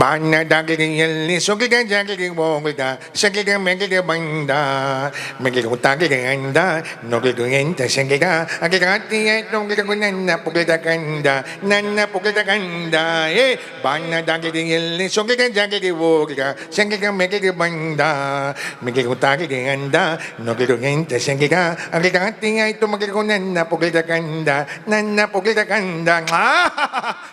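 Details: Comedian imitating a boy said to have a small tongue, singing with distorted consonants (lisp/stammer); acted, not a real patient; articulation disorder (imitated).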